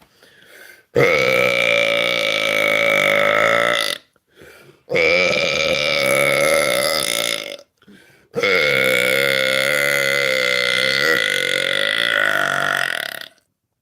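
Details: Three long, loud, drawn-out belches, each lasting several seconds; deliberately produced burps, labeled fake, made on request during a livestream.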